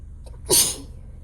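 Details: Sneezing during a failed nap, repeated and unable to stop: a single sharp sneeze, a brief intake then an explosive hissing burst.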